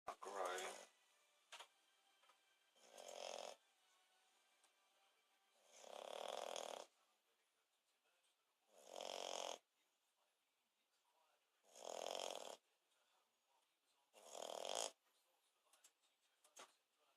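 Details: French Bulldog snoring while sleeping: rhythmic rasping snores, six bursts in about 17 seconds, roughly 20 breaths a minute, with quiet pauses between them.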